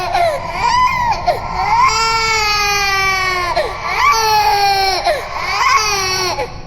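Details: Simulated ghost baby cry, a designed horror sound effect rather than a real infant: drawn-out, wavering high-pitched wails with falling ends, eerily processed.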